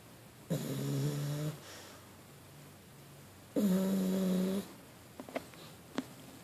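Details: Dog sleeping sunk into a couch: two long, low, buzzing snores about three seconds apart, with quiet breathing and small noises between them, and seemingly trying to bark in her sleep.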